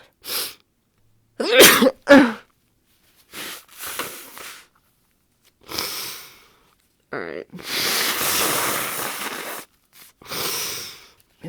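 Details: Adult woman (F) with a cold, possibly caught at a party, sinus pressure and watery eyes: two loud sneezes close together with sniffles and breathy sounds, then a long noisy nose blow; congested, cold-like sneezing.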